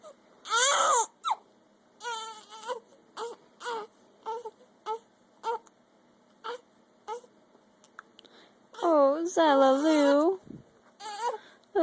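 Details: Infant with hiccups again, fussy and angry: repeated short fussy cries and whimpers building to louder wails near the end; an ordinary infant cry.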